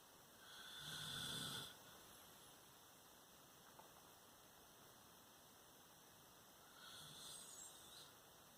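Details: Father snoring while asleep on a school night: two soft, rough snoring breaths about six seconds apart over quiet room hiss.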